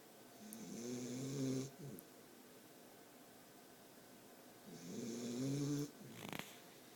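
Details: A newly adopted dog snores while sleeping in its owner's arms, two long, rough, fluttering breaths about four seconds apart.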